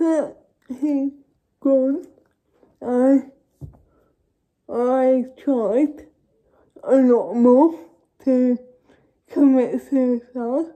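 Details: Young woman with cerebral palsy speaking informally to camera; dysarthric speech (cerebral palsy).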